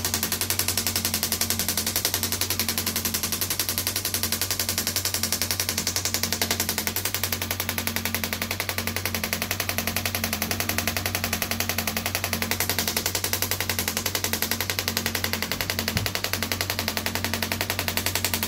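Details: Radial shockwave therapy on an arm-wrestler's triceps, the patient sitting forward with the arm raised as the muscle lets go; steady, rapid mechanical tapping pulses with a constant hum.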